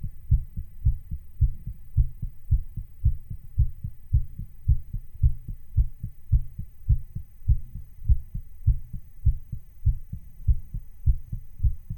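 Fast, regular thumping heartbeat, roughly 110 per minute, from a recording sped up to imitate a racing heart.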